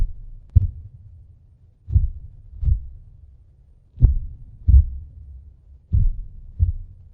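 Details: Simulated heartbeat sound effect of a vampire: slow, deep paired thumps at about 30 pairs a minute.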